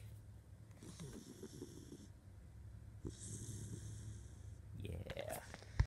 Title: BEAGLE SNORING